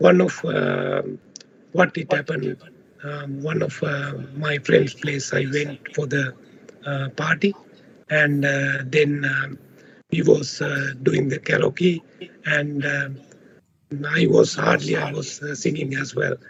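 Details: Adult man with left unilateral vocal fold paralysis on testing, recorded before voice therapy. The voice is described as low in loudness, breathy and hoarse. Finding: unilateral vocal fold paralysis.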